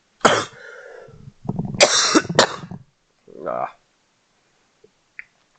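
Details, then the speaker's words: Several harsh, dry coughs mixed with rough throat clearing and a brief voiced grunt from an adult recovering from an illness with a still-sore throat, in a quiet room. "Okay, I literally am better from my whatever sickness I caught. But gosh, my throat is still killing me."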